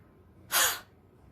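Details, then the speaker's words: Huff cough (forced expiration technique) demonstrated as a breathing exercise for COVID-19 and COPD mucus clearance: inhale through the nose, then forceful exhales with a "ha" sound, contracting the stomach muscles. "What you need to do, you need to inhale, exhale with the sound of ha."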